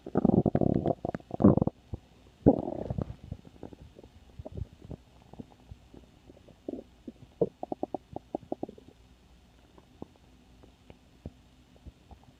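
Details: Stomach growling (borborygmi): loud gurgling rumbles, then trailing bubbly pops and squeaks of gas and fluid moving through the gut.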